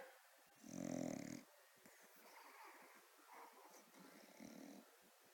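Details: A pet dog snoring while asleep: one louder rattling snore, then softer snuffling breaths.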